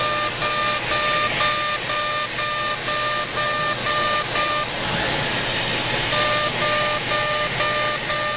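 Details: CO2 laser, aggressive facial resurfacing at 100 millijoules and density six during a face lift: continuous hiss with rhythmic beeping, about two per second, briefly pausing.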